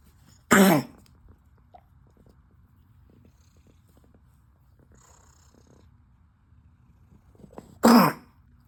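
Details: Cough in a patient on day 4 of azithromycin with no improvement.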